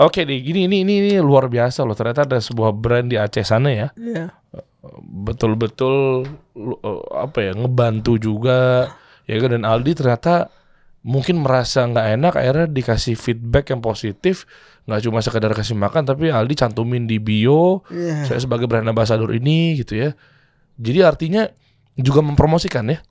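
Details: Adult man speaking; typical speech.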